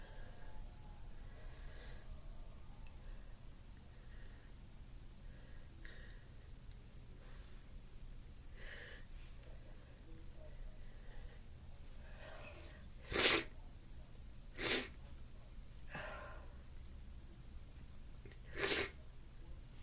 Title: Stuffy sneezes sniffles 'n blows!!